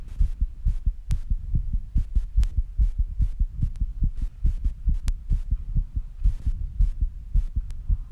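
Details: Own heartbeat recorded after rebreathing and squats, with heavy breathing: fast, strong low thumps at roughly 140 beats a minute with breathing noise over them; rapid heartbeat after exertion.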